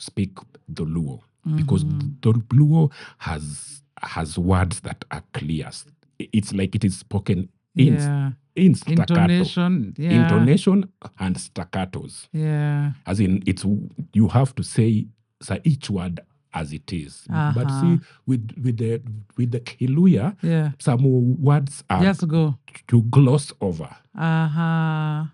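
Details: Adult man who stammers, which he says is genetic, inherited from his mother, and at times acute; word and part-phrase repetitions heard; stuttering.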